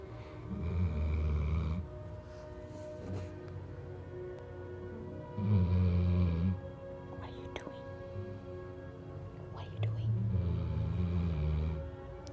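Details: Big black puppy (dog) snoring while lazily sleeping: low rumbling snores, about 13 a minute, slightly irregular, with faint music behind.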